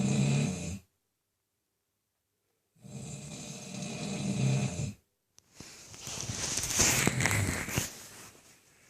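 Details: A man who claims he wasn't even asleep gives two rough, rumbling snores separated by a gap, then rustling noise; ordinary snoring.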